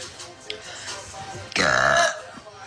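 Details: One loud, drawn-out voiced burp lasting about half a second from a girl, over quiet background music and talk; a belch.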